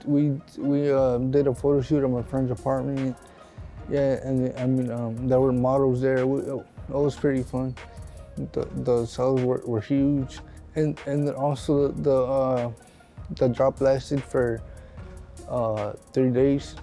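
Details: Speech of an adult man with cerebral palsy, born as a six-month premature twin.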